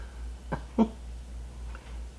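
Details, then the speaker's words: Two brief, low gurgling rumbles of stomach growling (borborygmi) from an adult doing makeup who says she is not hungry, over a steady room hum. "because my stomach is growling yeah so if you hear it I don't know why because I am not hungry but"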